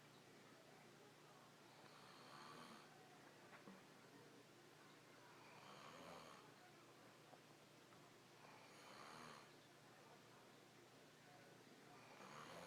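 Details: Sleeping snorer: soft, steady snoring, about four snores in 13 seconds (roughly 18 breaths a minute), over noisy room hiss.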